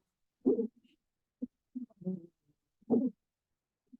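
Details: Teaching example in a pediatric emergency talk: short, low musical whistling sounds recurring with breathing, wheezes from narrowed airways in a child.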